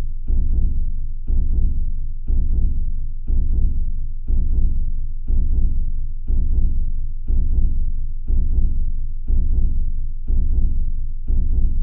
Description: Sounds of a slow hear beating.